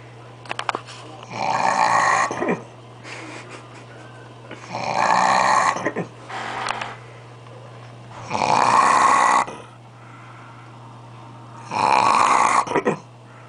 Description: guy sleeping, doen't know he's being recorded!! snoring, LOUDLY